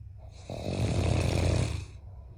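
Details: One loud, deep, rattling snore on an in-breath, about a second long, like a vibrating soft palate, from a sleeper; snoring.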